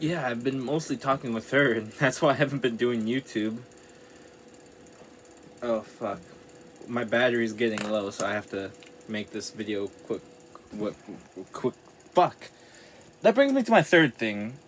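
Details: Man with self-described very bad stuttering.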